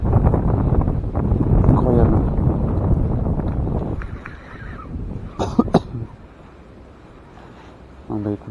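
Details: Cough from an adult fishing outdoors on a windy canal: two short, sharp coughs after a stretch of heavy wind noise.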